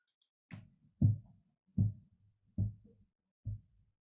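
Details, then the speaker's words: Korotkoff sounds in a blood pressure lab demonstration, auscultatory method: regular low tapping thumps about 79/min over the brachial artery as the cuff deflates, starting at 106 and disappearing at 78. "right so you could hear that that little thumping um and they wrote down they noticed oh the thumping started when it was 106."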